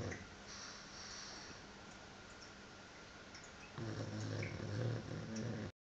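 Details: Sleeping pug: quiet room noise, then low rumbling, snorting snores in the last seconds; snoring.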